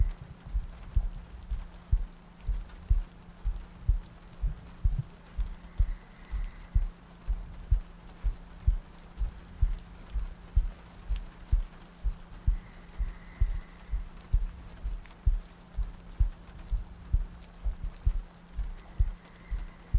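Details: ASMR sleep-aid loop, likely simulated: soft, steady low heartbeat thumps at about 63 per minute over rain ambience, meant to sound like lying next to a partner; heartbeat.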